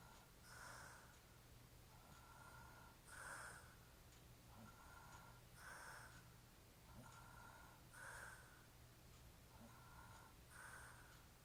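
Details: Drunk adult man snoring; regular rasping snores on breathing in and out, about 12 breaths a minute, over low room hum.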